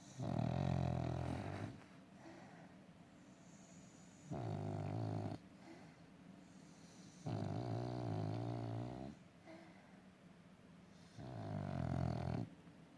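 Loud, low, rattling snores on each breath in, about one every 3 seconds (around 20 a minute), with quiet breaths out between: a dog snoring.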